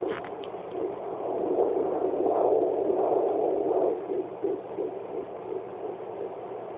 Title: Fetal doppler at 12 weeks